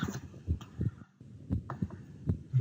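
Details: Simulated heart sounds from DxR Clinician virtual patient software: regular low paired thumps about 75 a minute, with faint room noise; split second heart sound (split S2).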